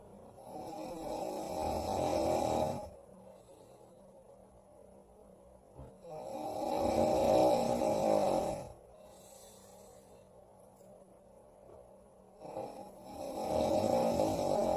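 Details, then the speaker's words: The character Mike snoring loudly in his sleep, recorded by Square (Mister Maker character): three long, rough snores on breathing in, about every five to six seconds (about eleven a minute), with quiet breathing out between them; snoring. "I caught you snoring Mike well that's it for tonight"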